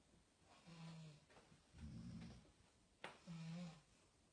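Low, buzzing snores alternate with a rougher rattling snore, heard in a quiet room. Ordinary snoring.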